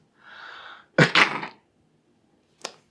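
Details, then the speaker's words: Demonstration of sneezing safely into a raised elbow: a breathy inhale, then one forceful two-part sneeze into the sleeve and a brief sniff after; an ordinary sneeze. "bring your elbow up to your mouth and nose and sneeze like that don't bring your nose to your elbow bring your elbow to your nose like"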